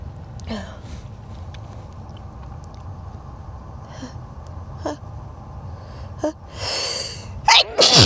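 Several quiet breathy build-ups and catches, ending in two loud explosive sneezes; ordinary sneezing.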